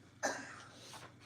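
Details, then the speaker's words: Cough present for 3 weeks, earlier worse and productive of phlegm, now less so; a single abrupt cough burst heard in the background of a small room, sounding mostly dry. "Yeah, you can hear her coughing in the background. Yeah, she's been doing it for 3 weeks."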